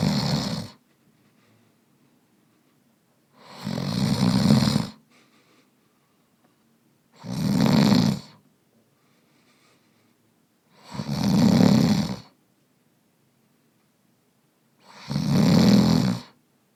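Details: Sleeping man gives 13 loud, regular snores in a row, about 17 per minute, with quiet pauses between them; snoring sound effect.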